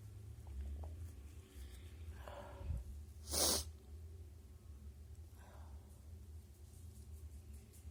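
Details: Person trying to sneeze, nose tickling, nose blocked afterwards: short muffled hiss-like burst over low room hum, sneeze held back with mouth closed; stifled sneeze.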